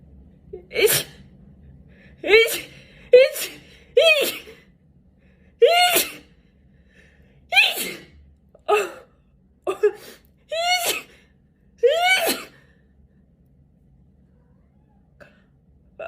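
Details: Girl sneezing, tagged allergies and sinuses: a series of about ten sharp sneezes, several with a gasping intake before the burst, in a quiet room.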